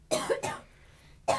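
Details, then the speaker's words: Adult woman with asthma: three short, dry coughs, which she says will go on for a while. "I have asthma so it's G to go on for a while it's okay you can keep this too"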